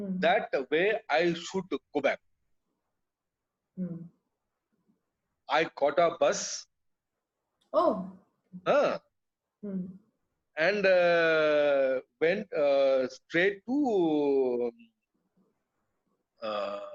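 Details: Adult man with non-fluent aphasia after a brain haemorrhage (burst) stroke hitting his speech centre; told he would never speak again; relearned speech through years of speech therapy; still hesitates and cannot always finish sentences; non-fluent aphasia.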